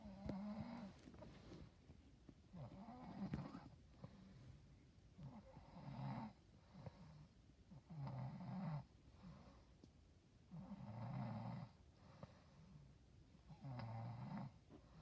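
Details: Real recording of a mother sleeping in the early evening (5:50 pm): low, rumbling snores at about 22 breaths a minute, with quieter breathing between them.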